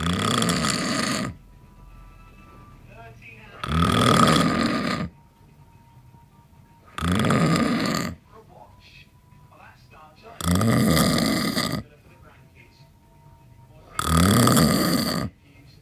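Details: Snoring after eight pints of lager, likened to a farm animal: very loud, rough, grunting snores about every three and a half seconds, roughly 17 a minute, with quiet pauses between.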